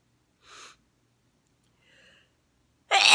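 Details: Girl in glasses, sneezing repeatedly without covering her face: two soft catching breaths build to the sharp, loud start of a sneeze in a quiet room.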